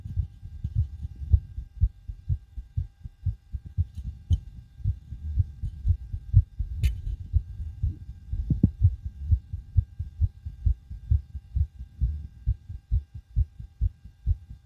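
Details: Own heartbeat recorded with homemade DIY stethoscope right after backflips and bouncing on trampoline: fast, forceful thumping about 128 per minute with rubbing noise; rapid heartbeat after exercise.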